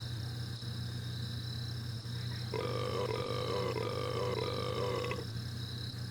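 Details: One long, drawn-out, croaking burp lasting a few seconds over a steady background hum; burping.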